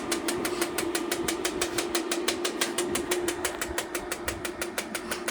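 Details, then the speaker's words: Shockwave therapy on a 5-year-old thoroughbred horse, 16.3 hands, off the track and rehabbing, applied along the spine, intensity raised to about 35: rapid steady clicking pulses, about three per second, over a faint hum. "I'm going to go up a little higher on the shock yeah you could hear that now if it's too intense I can go"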